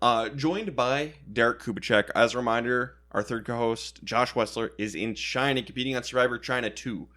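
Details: Adult male speaker; Normal speech.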